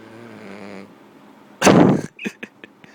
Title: Snoring french bulldog 2(conde)